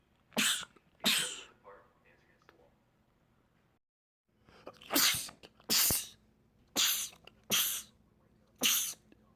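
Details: Male, from a compilation of rapid sneezing attacks in men: seven sharp, explosive sneezes in quick runs with a pause in the middle; repeated rapid sneezing.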